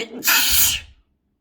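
A single forceful, hissing sneeze burst that fades quickly into silence.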